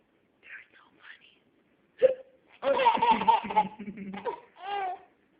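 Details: A sharp hiccup-like catch of breath, then laughing and babbling from a young child; hiccups.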